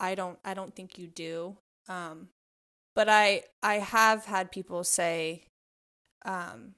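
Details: Adult self-identified covert stutterer who hides stuttering by substituting words, avoiding situations and staying quiet; word repetitions audible; covert stuttering.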